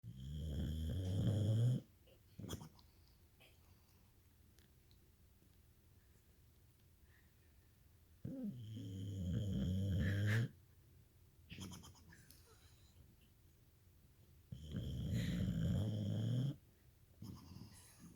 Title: Senorita Snore-y face